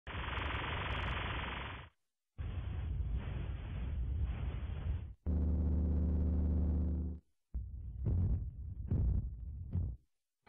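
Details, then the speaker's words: Four simulated tinnitus sounds in turn: steady hiss, rushing noise, low droning hum, then a pulsing whoosh; examples of what tinnitus sufferers hear. "才给大伙儿听的这些呀，可都是耳鸣的朋友自带的 BGM。"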